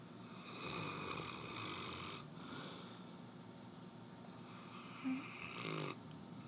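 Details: Barkley the dog snoring loudly on the floor: rasping, whistly breaths rising and falling over a few seconds, sounding somewhat like a pig.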